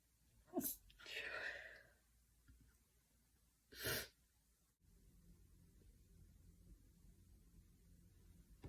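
Two sharp explosive sneezes, the first with a brief drawn-out breathy follow-through, in a quiet room with low background hum.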